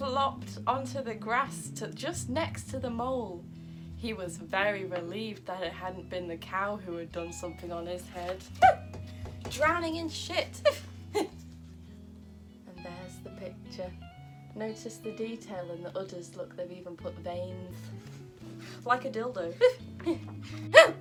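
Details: Adult woman with Tourette syndrome reading a children's story aloud; vocal tics interrupt the reading with inserted words, repetitions and swearing; vocal tics (Tourette syndrome).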